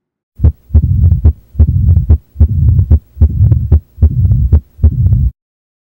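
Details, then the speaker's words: Regular heartbeat about 74 a minute with continuous whooshing between beats: heart murmur from turbulent blood flow, such as stenosis or regurgitation. "a murmur is another abnormal heart sound an examiner should be aware of it is caused by turbulent blood flow resulting from abnormalities such as stenosis or regurgitation"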